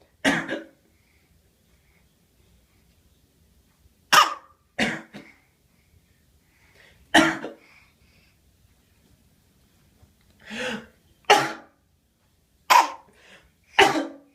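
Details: An infant gives about eight short, deliberate cough sounds separated by quiet pauses, a playful fake cough: voluntary (fake) cough.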